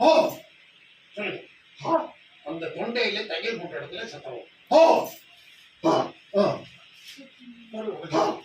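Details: Puberphonia case under treatment, repeating a single word; puberphonia.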